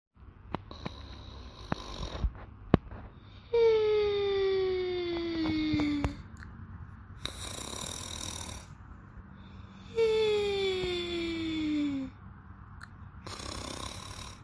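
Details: A sleeping woman snores loudly with a long falling whistle on each breath in and raspy breaths out, about two cycles in fourteen seconds.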